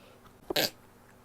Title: sneezes (f)